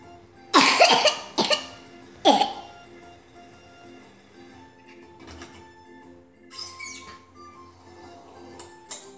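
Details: Vaccinated 4-year-old child with pertussis confirmed by nasopharyngeal swab, on antibiotics for 3 days, no fever: three harsh dry coughs in quick succession, then quieter breathing. His paroxysmal coughing fits come about 5 times an hour.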